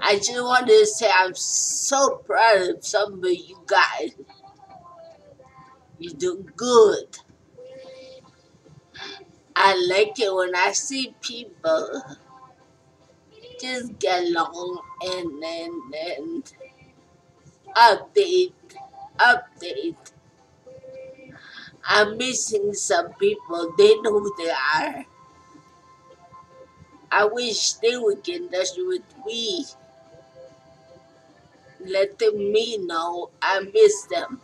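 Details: Stroke survivor talking informally, with fragmented, hesitant speech; post-stroke speech impairment.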